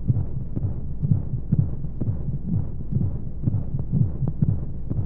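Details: Baby sleep aid womb sound: muffled regular low heartbeat thumps, about 125 per minute, under a steady whooshing white-noise hum.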